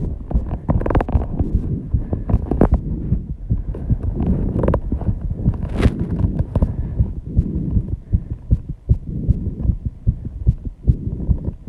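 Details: Heartbeat after intense exercise at 134 bpm, audible without the microphone at the start: a fast, pounding beat under heavy breathing noise, consistent with sinus tachycardia after exertion.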